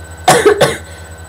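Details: Two quick, harsh coughs over a steady low background hum, from a speaker who has been sick with a persistent, worst-ever cough and a sore throat; cough.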